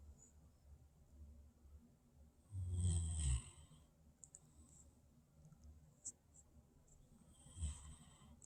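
A single loud, low rumbling snore with a fainter one later against quiet room noise; snoring in a sleeping dog.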